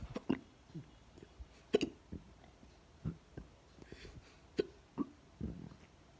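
Soft, sharp hiccup catches about every half second to one second, faint against quiet room noise.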